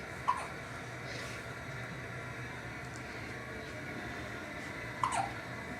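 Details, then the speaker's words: Two sharp, abrupt hiccups about five seconds apart over steady room noise, from a little girl in the morning who has a violent bout of hiccups; hiccups. "see we got the hiccups very violent"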